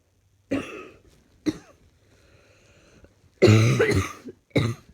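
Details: About four separate coughs with quiet gaps, some like throat clearing, from a person feeling unwell who wants the cough gone.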